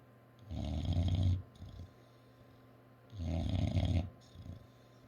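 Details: English bulldog snoring: two long, rattling, low snores about 2.5 seconds apart, each followed by a softer snort on the out-breath.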